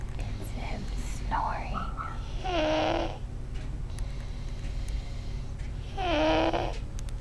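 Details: Baby boy asleep and snoring, not congested; this is how he usually sleeps. Two soft, high-pitched, voiced snores several seconds apart.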